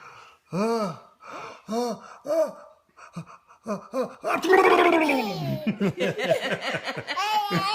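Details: Six-month-old infant learning to sneeze makes a series of sharp voiced gasping inhalations, then laughs and fusses loudly.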